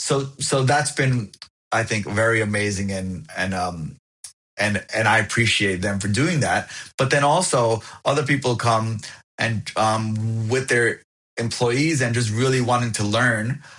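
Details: Adult who stutters, overt and covert stuttering with speech blocks discussed, found a support group at 28 and now accepts it; audible repetitions; stuttering.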